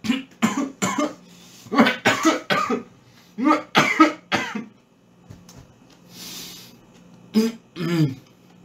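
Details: Three or four bouts of short, harsh coughs from a man, around a dozen bursts in all, with a breath drawn between bouts and a faint steady hum behind.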